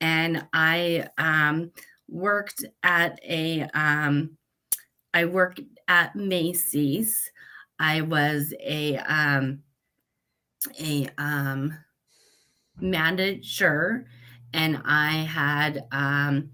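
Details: Aphasia after a stroke at age 38 in a woman, who says she has aphasia since the stroke; at first meeting she could barely be understood.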